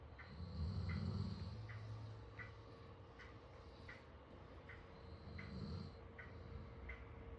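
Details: Soft, low snoring breaths from a sleeping dog lying on a Lambchop toy, against steady ticking background noise; snoring.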